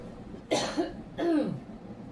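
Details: Two short, harsh cough bursts from an adult woman in a quiet room; cough.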